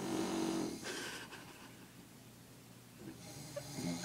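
A loud, throaty snore followed by quieter noisy breathing through the sleep: snoring.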